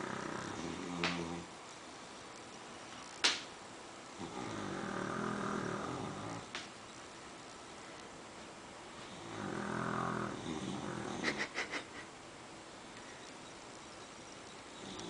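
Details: Loud snoring from Lola, a sleeping pet: slow, rough, rasping breaths roughly every five to six seconds with a few sharp clicks between, loud enough to be mistaken for a truck outside.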